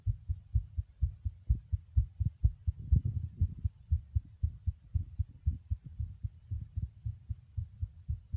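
Steady low thumps of a heartbeat, fast at roughly 120 to 125 beats a minute, with some muffled rubbing noise mid-clip.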